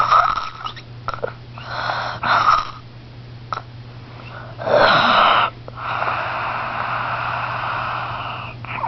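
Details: Harsh, whistling snores and snorts over a steady background hum; noisy snoring.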